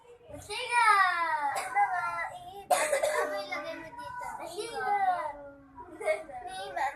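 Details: A young child whimpers and vocalizes, with two short, abrupt coughs breaking in partway through.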